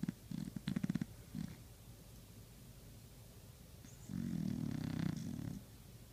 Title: Best pooch snoring video ever